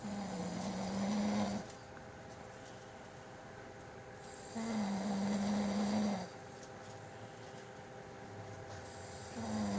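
Long, steady, buzzing snores at about 13 breaths a minute, with quieter breathing out between them. This is ordinary snoring.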